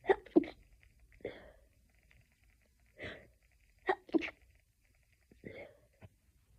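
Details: Stifled sneezing fit, edited into a loop: a series of short, muffled sneezes with quick catching breaths between them; stifled sneezes.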